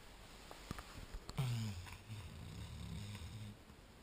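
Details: A 1-year-old female black Labrador lying on a couch snoring after running and barking earlier: a low, fluttering snore with deep rumble, following sniffs and faint clicks in a quiet room.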